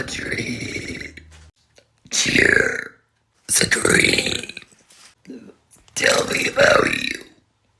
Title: Burp Video - Get to Know Me… With Burps?! 🤣 | My Likes, Interests & Chaotic Energy #burp #burping